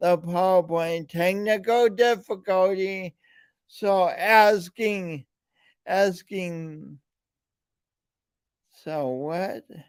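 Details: Man with a speech impediment present since birth, along with lifelong coordination issues; speech impediment.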